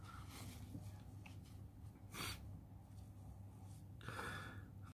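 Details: Two sharp, forceful sneezes a few seconds apart over a low room hum, person sitting on a bed; sneezing.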